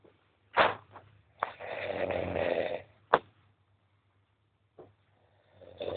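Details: Man asleep with harsh, rasping snores and snorting onsets, separated by quiet pauses; irregular, noisy breathing; snoring.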